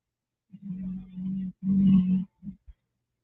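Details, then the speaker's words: Man napping on a hot day, snoring loudly behind the speaker during a livestream; snoring. "That's snoring. I don't know if you guys heard that or not, but he's behind me and he's snoring. He's loud."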